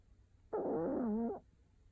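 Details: Sleeping Maltese dog during a daytime nap: a single tonal, whistling snore lasting about a second, wavering in pitch, in a quiet room.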